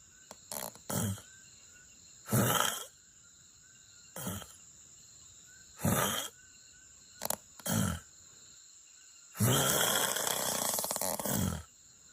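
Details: Snoring during sleep after drinking beer before bed (not drunk): irregular noisy rasping bursts over a steady hum, with one long rattling burst near the end.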